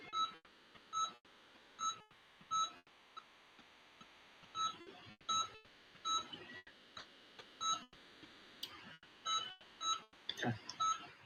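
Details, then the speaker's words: Veterinary periodontal treatment after scaling and probing: regular electronic beeps over quiet room noise with light clinking from the monitor of a pet patient under anesthesia; anesthesia monitor beeping. "you're hearing the beeping and that's from up the patient because it is it is under [Music] anesthesia"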